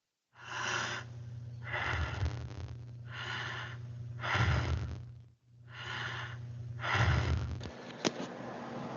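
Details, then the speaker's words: Normal breathing played as the baseline example in a student presentation on respiratory regulation: even, unlaboured breaths at roughly 22 a minute with a low hum behind. "Y así es como se escucharía. normal y esta será la línea de base para el aprendizaje de esto y se escucha algo así."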